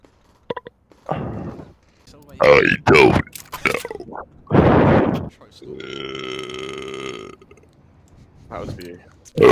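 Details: Loud, drawn-out burps mixed with voice, one long rumbling belch standing out, while playing CS2; speaker apologizes for letting one out. Ordinary burping.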